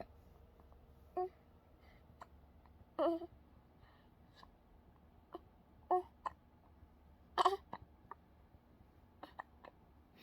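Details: Hiccups: quiet, brief, abrupt voiced catches recurring irregularly against low room hum, about four or five in ten seconds.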